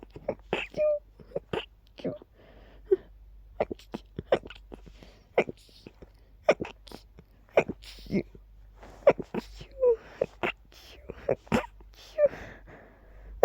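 A rapid run of very quiet, stifled sneezes, some with small squeaky catches, in a quiet room.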